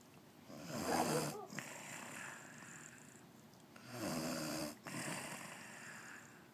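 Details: Woman snoring: two rough, rattling inward snores about three seconds apart, each ending abruptly, over quiet room hiss.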